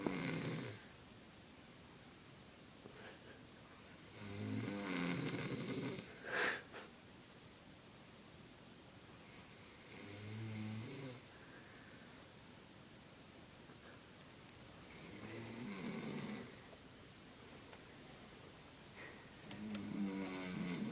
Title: The snoring "beast" in action!